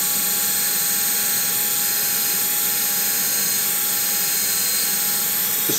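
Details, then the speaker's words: Surgical power drill with a 3.6 mm bit drilling in the tibia under lateral view during tibial tubercle osteotomy, for headless bio-integrative compression screws: steady high-pitched motor whine with a hissy edge. "in this instance I'm using a 3.6 mm drill alternatively though like we talked about I could put in my kwire and drill that bicortically"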